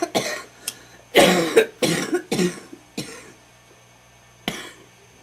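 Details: Adult smoker, who mentions homegrown tobacco, gives a run of about seven harsh, rattly coughs in quick succession, a wet smoker's cough, saying afterwards that it hurts.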